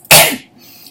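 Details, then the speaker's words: Harsh abrupt cough burst as a vocal tic, in a young woman recently diagnosed with Tourette's syndrome after a chronic cough of about a year and a half that started on returning to school; childhood blinking tics. "ah but it wasn't until I went back to school recently I started coughing and and"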